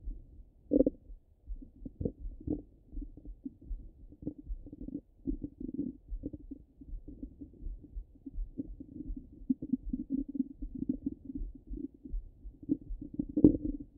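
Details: Stomach rumbling: continuous low gurgling and bubbling with irregular louder rumbles throughout; ordinary active bowel sounds.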